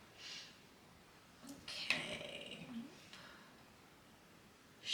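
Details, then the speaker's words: Sleeping dog snoring heavily in the background. Soft breathy exhale, then a louder rattling snort-snore, against quiet room noise. "but I do know that I've never had a dog snore as much as uh as much as Nims snoring away in the background there it um like can you hear her she is just snoring away it's so"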